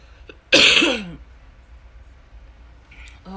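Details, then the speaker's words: A single loud, harsh, explosive, wet-sounding cough burst with a rough, gravelly tail, followed by quiet bedroom noise; the cougher calls it a nasty cough. "hear that nasty-ass cough that's when you go over a little bit so I can get my ashtray"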